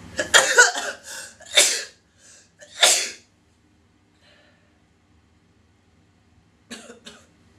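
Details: Girl sneezing: three sharp, explosive sneezes in quick succession, each with a brief in-breath before it, then a quieter pair.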